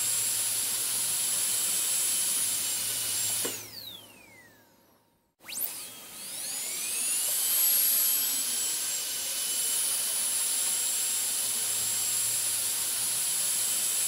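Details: Dental drill switched off and on: a steady high-pitched whine winds down, stops briefly, then spins back up to full speed. Recorded as an ASMR sound.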